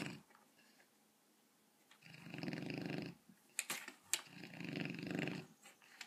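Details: Seven-month-old Rottweiler dog snoring while asleep and running in his dream; snoring.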